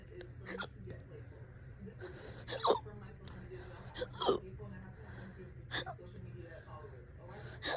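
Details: Fast, loud hiccups, present for about 30 minutes and on and off all day: sharp, abrupt voiced hiccups recurring irregularly over a quiet room background; ongoing hiccups (singultus).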